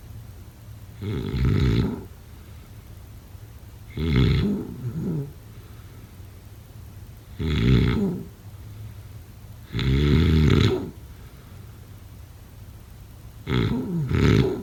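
Loud, rough snores about ten a minute, some broken into two parts, with steady room hiss between them. Heavy snoring during sleep.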